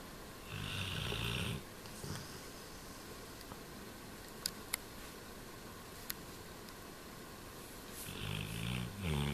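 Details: Black Labrador dog snoring while asleep; two rumbling snoring breaths separated by quiet breathing and small clicks. Ordinary dog snoring.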